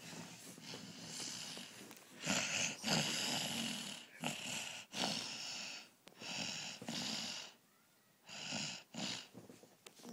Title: Night night snoring baby